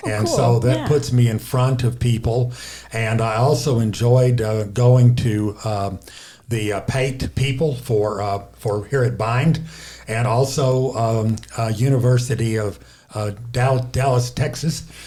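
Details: Aphasia in a male stroke survivor, caused by a left-hemisphere stroke, affecting speaking, reading and writing.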